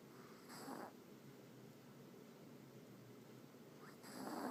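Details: Two breathy snoring sounds about three and a half seconds apart against a quiet room hum; a sleeping dog that snores very loudly.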